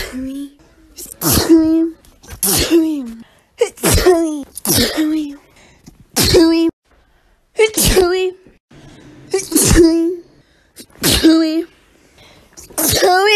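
Series of about eight sharp, voiced sneezes, each a sudden loud burst followed by quiet.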